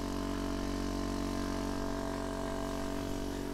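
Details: Endoscopic ear wax microsuction by an audiologist, second ear with softer plugged wax: loud, steady droning hum of the suction pump running continuously.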